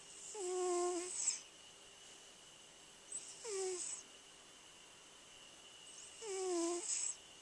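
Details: Cat snoring: soft, high-pitched whistling snores, roughly one every three seconds, with a faint steady hum in the background.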